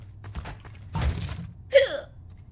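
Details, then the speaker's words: Streamer with hiccups while talking during gameplay: sudden short gulping catches with a small voiced squeak, repeated involuntary hiccups. "I think these are the hiccups that don't go away."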